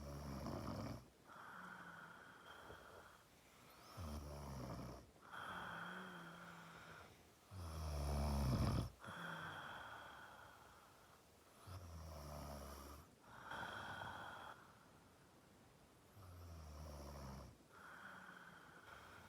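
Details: Regular low snoring on inhalation with softer exhalation, about 20 breaths a minute.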